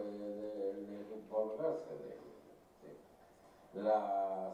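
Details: Patient with Broca's aphasia trying to speak; Broca's aphasia with articulatory impairment.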